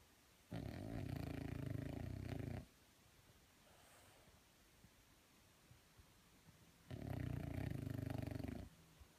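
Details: French Bulldog: two long, loud rattling snores a few seconds apart with quiet breathing between; snoring in a sleeping flat-faced dog.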